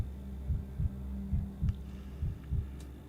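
Soft, regular paired thumps, about 68 a minute, over a steady hum: a heartbeat played during a role-play examination.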